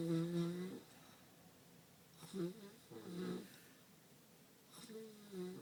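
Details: Loud, low, rattling snores in repeated bursts with quiet pauses between breaths from a sleeping male with some kind of sleep disorder causing him to fall asleep anytime.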